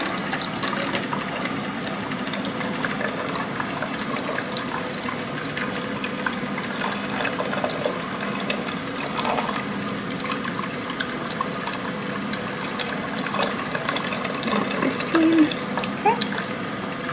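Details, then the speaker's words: Steady rushing and trickling of water poured into the water-seal chamber of a Pleurevac infant chest drainage unit, filled to the 20 cm mark, NICU in-service setup demonstration; water filling chest drainage chamber. "you could just fill this up and I will ask for your assistance in telling me when when the water reaches the 20 centimeters mark"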